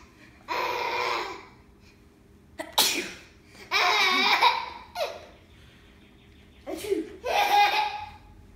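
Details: A baby boy sneezes about three times, each sharp sneeze followed by bursts of laughter while his sister makes him laugh.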